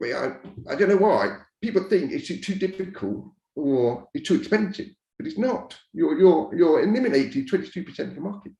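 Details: Speech of an adult man deaf from birth, raised to speak rather than sign, who wore hearing aids for years and now uses a cochlear implant; deaf speech.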